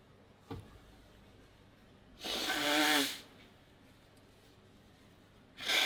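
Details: A sneeze from a model, recorded with the model's permission.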